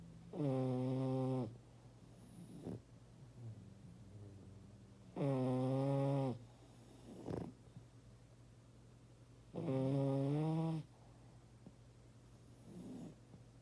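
Loud, buzzing snores on each in-breath, about 13 a minute, with quieter breathing sounds between them.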